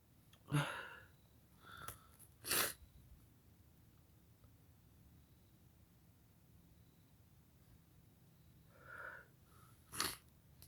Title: Black Pepper Sneezes